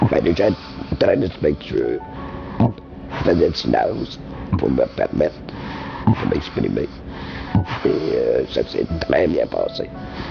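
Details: Laryngectomee using esophageal speech for almost 27 years, after 6 months of voice rehabilitation; esophageal speech after laryngectomy.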